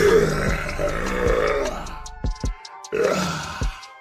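Deep, drawn-out belching over loud music, with short gulping pops between; burping.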